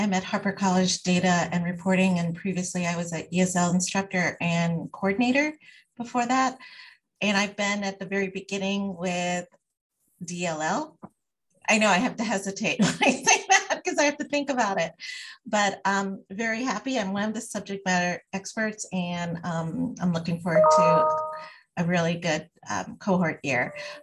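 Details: Adult woman speaking; normal voice.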